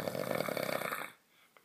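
One loud, rattling snore on a breath in, with a fluttering buzz, then quiet.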